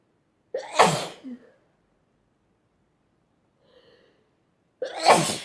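Two sharp explosive sneezes, each with a quick intake of breath before, separated by a quiet pause; ordinary sneezing.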